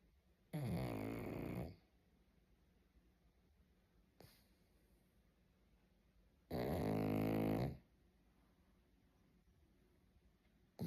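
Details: Pug (Molly) snoring while asleep: two loud, rattling, harsh snores a few seconds apart with a faint snort between, in a quiet room; snoring.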